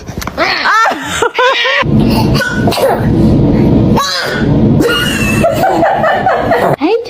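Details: Several small, abrupt sneezes from toddlers, mixed with high voices, laughter and repeated "bless you" in a small room; sneezing.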